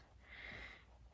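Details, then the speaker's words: Sleeping dog snoring: a single faint, snuffly, snort-like breath over quiet room hum. "Can you hear the dog snoring? Pretty sure that's sizzle."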